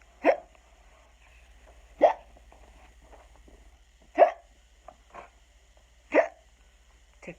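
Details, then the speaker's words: Imitated hiccups in a children's storybook reading of Skeleton Hiccups: sharp, brief hiccup-like sounds recurring about every two seconds over a quiet hum; simulated. "Skeleton woke up. Had the hiccups."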